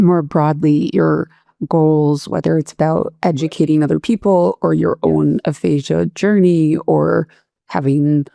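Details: Adult speaker; ordinary speech.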